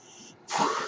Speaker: noise you're hearing is my ventilator